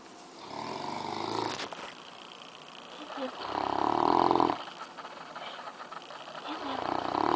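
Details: English Mastiff sleeping, tired after a long day: loud, rough rumbling snores repeating about every three seconds, roughly 20 breaths a minute; ordinary snoring.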